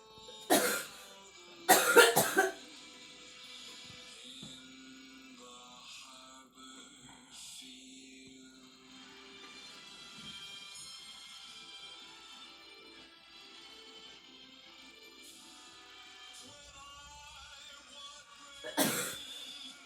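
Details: Girl coughing and gagging, acted, not real: a few harsh, forceful coughs in short bursts, with soft music playing between them.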